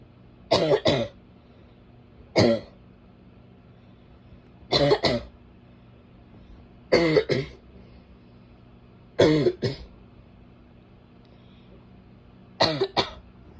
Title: barking cough (f)